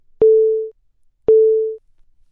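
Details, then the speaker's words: ZOLL LifeVest wearable cardioverter defibrillator gong alert: a low-pitched gong tone repeating about once a second, signalling that the device needs attention and the wearer should read the monitor message; not part of the treatment sequence. "The gong alert is a low-pitched "gong" sound that repeats about once every second."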